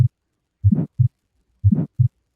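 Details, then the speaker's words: Cardiologist's stethoscope demonstration of aortic stenosis: two heartbeats, each first heart sound followed by a harsh, rising-falling whooshing murmur. "so if you have aortic stenosis or a narrowing of the aortic Val for example that sounds a little bit like"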